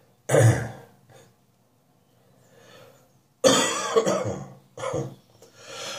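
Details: Three forceful, fairly dry coughs from an adult with a lingering spring cold, spaced a few seconds apart; cough worse in the mornings.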